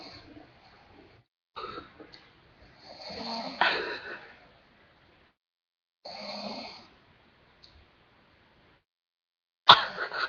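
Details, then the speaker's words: Woman in deep sleep, completely out, snoring: irregular rough breathing noises separated by quiet pauses. "is completely out. If it wasn't for her snoring, she might have been dead."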